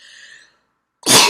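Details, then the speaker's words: Girl sneezing at home after burning sage earlier, sneezing into her hands: faint background sound, a pause, then a sudden loud burst of air, cut off at the end. "oh excuse me and I sneezed into my hands whoops luckily I'm at home"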